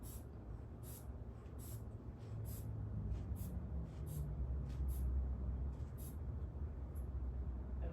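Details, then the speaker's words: Manual blood pressure measurement during a nursing head-to-toe assessment: steady, repeated hand-bulb squeezes with brief airy hisses as the cuff inflates, the first of two inflations; patient reports flu-like symptoms. "So we're going to start with blood pressure. Okay. And I'm actually going to inflate the pump 2 different times. Okay. So there will be pressure 2 separate times while I'm doing this."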